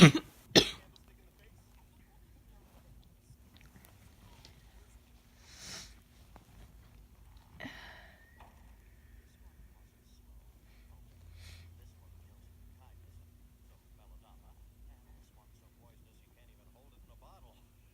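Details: Adult with a cold. Two sharp cough bursts, then faint throat sounds and a sniff over quiet room noise.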